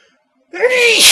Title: dusty sneeze (male)